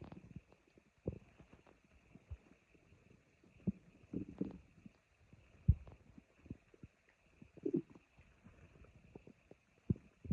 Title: My stomach growling